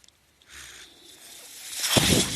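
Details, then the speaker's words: Soft airy hiss, then a rising rush of air ending in a puff as a podcast speaker's own mechanical ventilator delivers a breath while he talks: mechanical ventilator sound. "That noise you're hearing is my ventilator."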